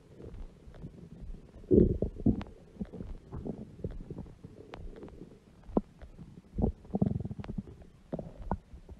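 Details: Stomach growling noises (borborygmi) from an adult woman's large belly, heard among background music.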